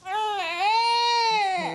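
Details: A young toddler girl with possible croup and a cough cries once, loud and sustained, rising then falling in pitch, during a GP's throat examination.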